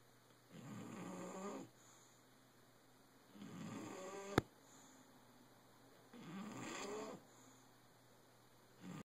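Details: Soft, rhythmic rattling snores, about three in nine seconds, with a brief click partway through and faint room hiss; recorded on an Android phone; snoring.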